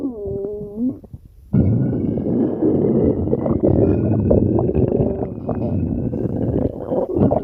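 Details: An empty stomach growling: a brief tonal squeal, then loud continuous gurgling and rumbling with shifting pitched whines, borborygmi.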